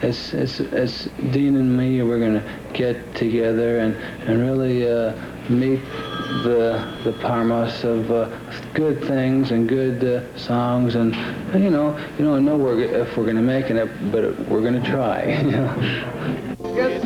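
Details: Adult man with aphasia from brain damage in a near-fatal 1966 car crash, about 12 years earlier; he was in a coma and had to relearn to speak; word repetitions and hesitations; aphasia.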